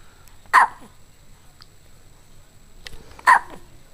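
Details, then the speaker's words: One-month-old baby boy with hiccups: two abrupt, brief hiccup sounds about three seconds apart in a quiet room; infant hiccups. "You got the hiccups."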